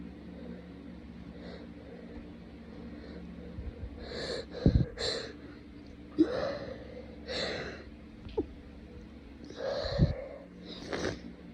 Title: Lots of sneezing and very snotty sniffling